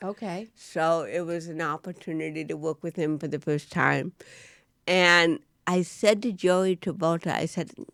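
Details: Adult woman, an actress with cerebral palsy, speaking in a studio interview: dysarthria due to cerebral palsy.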